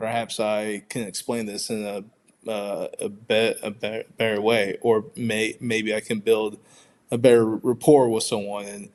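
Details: Stuttering in an adult man who identifies as a person who stutters; audible word and part-word repetitions.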